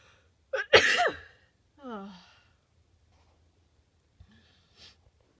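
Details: A quick intake of breath, then one sharp, forceful sneeze from a tickle in the nose, followed by a trailing breathy sound and a faint sniff in a quiet room; sneezing.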